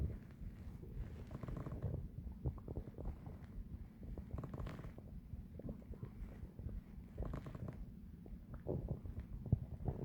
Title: Loud digestion stomach growling